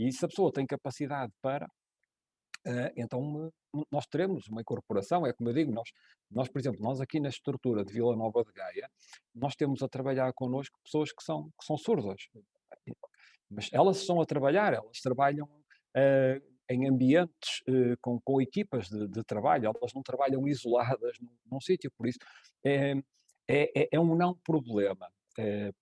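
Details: Adult male speaker; conversational speech.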